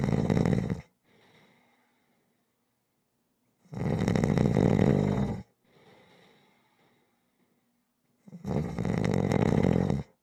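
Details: Loud, rough snores on each in-breath, about every 4 seconds, with quiet out-breaths between; regular rhythmic snoring during sleep.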